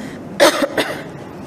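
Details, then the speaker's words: Female religious lecturer coughing mid-talk, having to pause: two short sharp coughs in quick succession, then quiet room noise; dry-sounding cough. "Ustazah kalau dah batuk memang kena berhenti tuan-puan."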